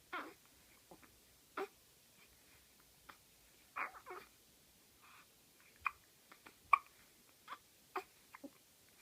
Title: Twin Baby Having Hiccup